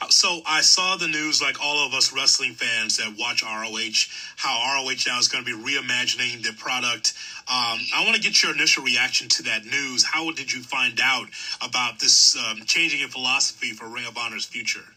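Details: Adult male speaker; normal speech.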